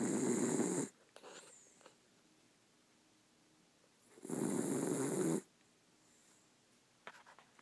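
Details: An exhausted sleeping dog gives two loud, rasping snores about four seconds apart with quiet pauses between; snoring.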